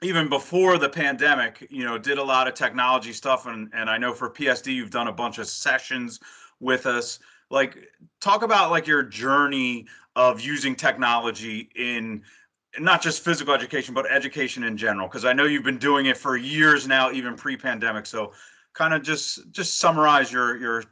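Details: Adult male speaker; normal voice.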